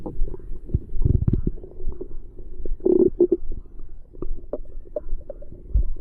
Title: Stomach growl. Dinner’s done!